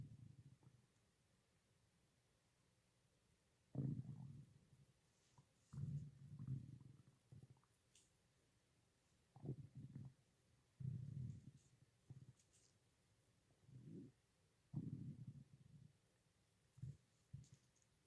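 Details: Stomach growling (borborygmi): low gurgling rumbles in irregular bursts with quiet gaps, from gas and fluid moving through the gut.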